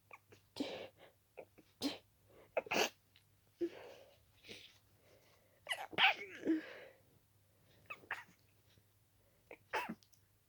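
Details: Itchy-nosed person with dust allergy: rapid run of wet, stuffy sneezes, some stifled, with barely a breath between them; an allergic sneezing fit.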